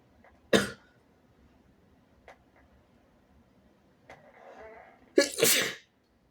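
A wet sneeze, a few small sniffs, then a second forceful double sneeze in a quiet room.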